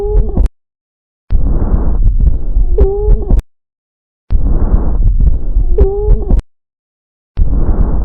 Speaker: Adventitious breath sounds. Wheeze. You are listening to Wheeze.